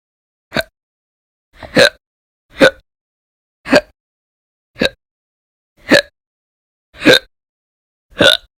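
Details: Eight short, sharp voiced catches over about eight seconds, roughly one per second, in a quiet room; repeated hiccups, audio only.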